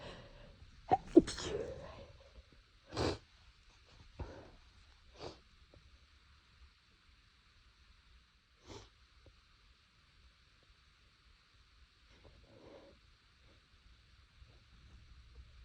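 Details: Several brief, muffled sneezes held back to stay quiet, with soft sniffs between them in a quiet room; the nose was itchy, which the person suspects is due to temperature changes.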